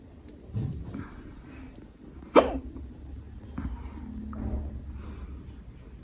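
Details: Dog hiccups: a sharp, abrupt catch sound in a quiet room, with a few softer gulping sounds around it.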